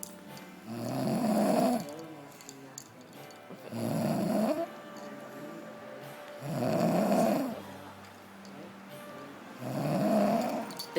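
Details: Person passed out asleep snoring: regular loud rattling snores on each breath, about four in eleven seconds, with faint music in the background.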